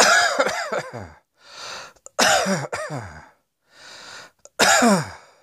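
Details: Adult coughing: three bouts of harsh coughing, each with several quick bursts and a breath drawn in between.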